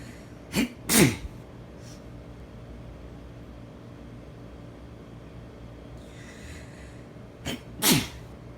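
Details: Person sneezing on waking after sleeping all night with air conditioning in summer: two sneezes, each a short in-breath then a sharp explosive burst, several seconds apart, over room hum; sneezing.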